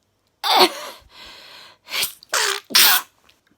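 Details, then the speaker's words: An adult woman, who says she is trying to hold back sneezes, has a sneezing fit: a run of several sneezes with short sniffling breaths between them. "i'm just about to start sneezing oh my god oh getting a lot jar again i'm trying to hold it back oh god"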